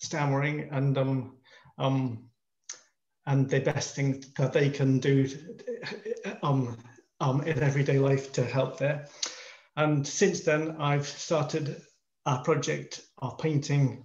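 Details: Male artist in his 50s who stammers, introducing himself on a panel of people who stammer; stammering.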